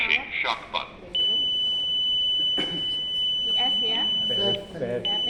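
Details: Training AED Pro automatic external defibrillator demonstration during rhythm analysis: steady high electronic alert tone with machine voice prompts and people talking in the room.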